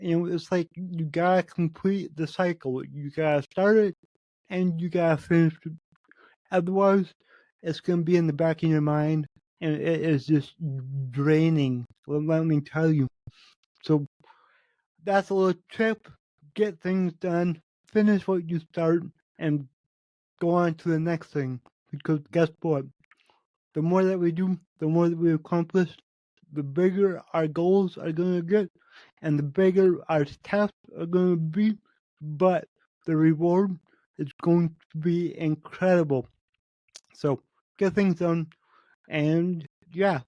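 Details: Adult male podcast host with cerebral palsy, which he says affects every muscle in his body; he says his speech is much better than 8 months ago and improving with better health. Dysarthria in cerebral palsy.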